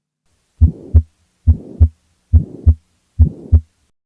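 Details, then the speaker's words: Pulmonary stenosis, usually congenital narrowing of the pulmonary valve: harsh crescendo-decrescendo systolic murmur filling the gap between S1 and S2, best heard at the pulmonary area, four cycles at about 70 a minute; may radiate toward left shoulder. "It is best heard at the pulmonary area and is a crescendo decrescrescendo systolic murmur with a harsh"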